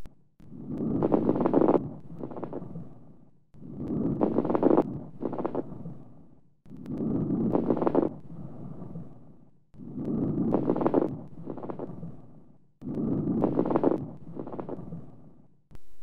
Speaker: Rals. Note the crackling sounds maximum at the end of inspiration. These are coarse rals.